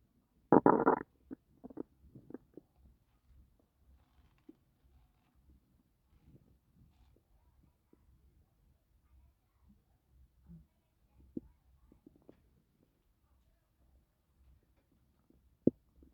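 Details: Woman five months pregnant, doing housework and described as nearly miscarrying, afterward says her stomach feels very uncomfortable; faint scattered gurgles and a brief louder squelch over quiet background: borborygmi.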